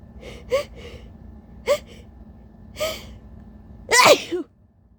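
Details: Big, uncovered, tissue-induced sneezes with big, breathy buildups, from a tired person whose allergies had been bothering them all day; sneezing.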